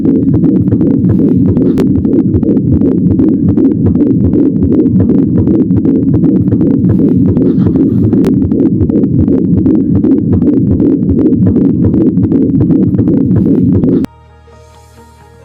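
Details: Rapid, whooshing rhythmic fetal heartbeat pulses at about 155–160 per minute, recorded on an FD-800 desktop fetal Doppler.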